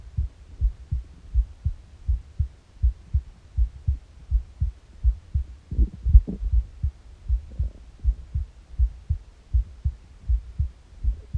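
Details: Regular, steady low-thumping heartbeat of about 80 a minute, recorded in the morning on an empty stomach, with occasional soft gurgles of bowel noise mixed in; normal heart sounds.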